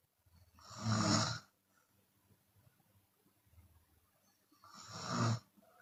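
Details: Chinese woman snoring with her mouth open, sometimes exhaling audibly: two loud, rough snores about four seconds apart with quiet breathing between; open-mouth snoring.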